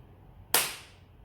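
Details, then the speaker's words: A single sharp pop with a brief hiss trailing off as a pressurized pen fires at the third, stronger pressure setting, which is used mostly on the body, in a botulinum toxin training demonstration. "para que eu vou fazer na terceira pressão é um pouco mais forte"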